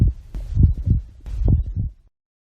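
Deep, regular low thumps in paired beats, a heartbeat sound.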